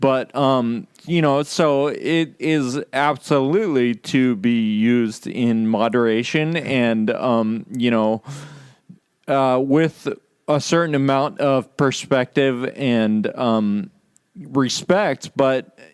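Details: Adult podcast host with Friedreich's ataxia, which causes loss of muscle control in the legs and arms, impaired balance and slurred speech; ataxic dysarthria (Friedreich's ataxia)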